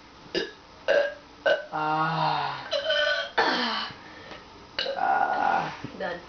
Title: Crazy boi burps 2